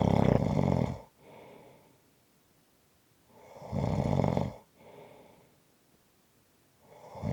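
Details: Snoring: loud, rough, rattling snores on each in-breath, with a softer out-breath between them, about 17 breaths a minute.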